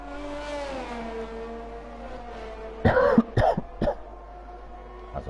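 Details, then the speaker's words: Three quick coughs from a race commentator, who had apologized in advance for coughing, heard over racing engine noise and music during an F1 2020 esports league broadcast; cough. "apologize if i start coughing midway through saying something as well"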